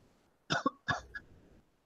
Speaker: Sorry, I couldn't hear you over my coughing.